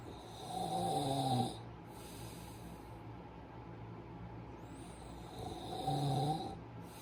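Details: Sleeper with two slow, loud, rattling snores on breathing in, about five seconds apart, with quiet breathing between. Ordinary snoring.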